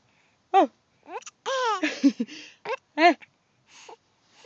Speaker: hiccuping and laughing. Wee. Oh.